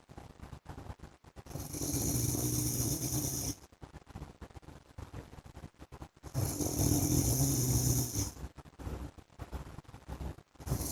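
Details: An adult man snoring during sleep: two long, loud, rattling snores a few seconds apart, with quieter irregular breathing noise between them.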